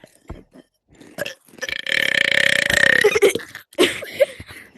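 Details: Loud, drawn-out belch lasting over a second, with short breathy sounds before and after, during a Gorilla Tag VR session; speaker mentions coughing and pollen.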